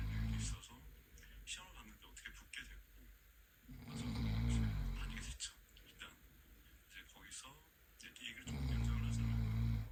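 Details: Father snoring during sleep while the baby in the mother's womb moves actively: loud rumbling snores every few seconds with quieter breathing and rustling between them.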